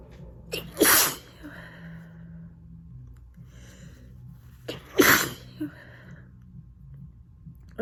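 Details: Person sick with a cold, not allergies, with an itchy, sore throat: two forceful sneezes about four seconds apart, each after a quick catching breath, with quieter breathing between them.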